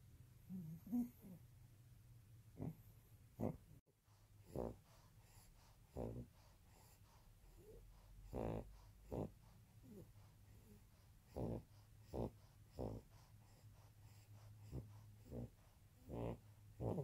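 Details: Maltese dog in deep sleep, snoring and snorting: short, irregular snorting breaths, some with a slight wheezy edge.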